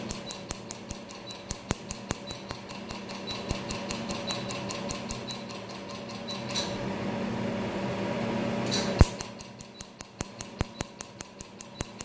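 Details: Laser tattoo removal pulses: repeated sharp snapping clicks about two or three a second over steady machine hum during tattoo removal; the patient, asked, says it is not painful.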